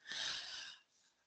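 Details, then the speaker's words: Small pet chihuahua asleep in the room, snoring in the background of a webinar. A single harsh, hissing snore-like breath with no low rumble: snoring. "well guys I apologize I don't know if you can hear it it's in the background but my little chihuahuas in the room here and he's snoring like mad I'm so sorry I don't know if you can hear it or not"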